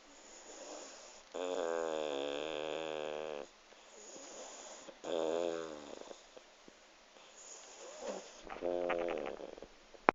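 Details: Loud buzzing, whistly snores, about three over ten seconds, with soft snuffling breaths between, from a pug sleeping on a lap; snoring.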